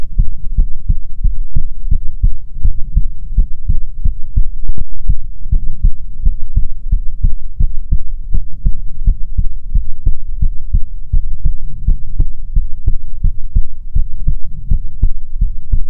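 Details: ASMR heartbeat recording: loud, steady, slightly fast lub-dub thumping with a low hum beneath; a normal heartbeat.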